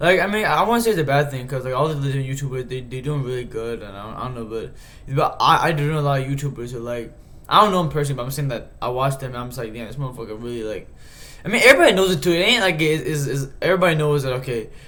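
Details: Man who says he stutters, sometimes repeating words when trying to speak; stuttering.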